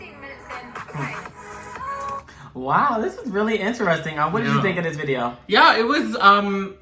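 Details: Adult speakers in conversation; typical speech.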